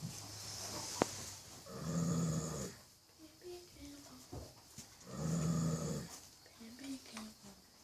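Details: Baby horse snoring: two loud, rough, rumbling breaths a few seconds apart, with quieter breathing between them.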